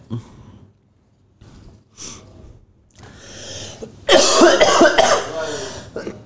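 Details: A few short, dry coughs with throat clearing from an autistic child whose cough, lasting possibly two weeks or more, adults suspect is a dust allergy; a dry unproductive cough.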